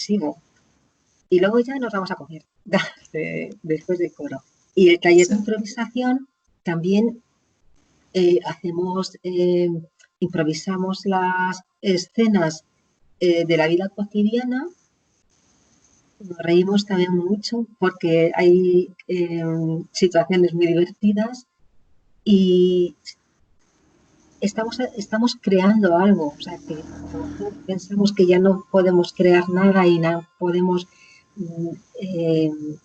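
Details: Aphasia in an adult woman after a stroke; at onset she could not speak at all and gradually regained words through speech therapy; chronic post-stroke aphasia.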